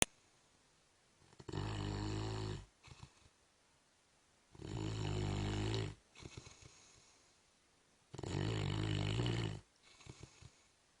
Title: Mastiff snoring